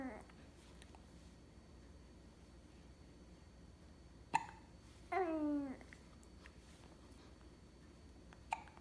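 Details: Infant hiccups: a sharp hiccup in a quiet room, then a short babbling coo from the baby, then another hiccup.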